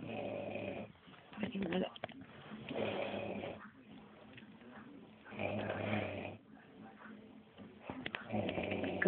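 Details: Comedy sketch of a window cleaner, described as drunk, asleep on a sofa: loud, irregular, rattling snoring, about 22 snores a minute, mixed with other sounds.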